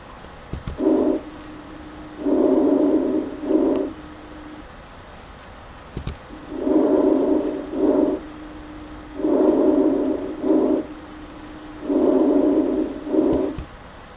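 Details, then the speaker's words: Normal breath sounds in a healthy person via stethoscope: regular, soft, slightly rustling breaths in and out, about 20 a minute, with no added sounds. "so you can hear the person in that clip breathing in and also breathing out and it sounds a little bit rustled but there are no extra sounds and that's what it would sound like if you were to listen to someone who was completely healthy"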